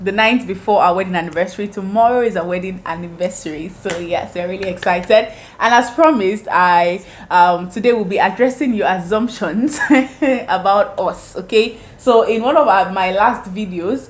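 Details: Adult woman speaking; ordinary speech.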